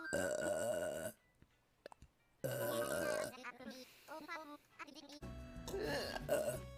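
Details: Person burping on a livestream: several long, loud, rumbling belches with gurgling voiced sound, separated by quiet gaps.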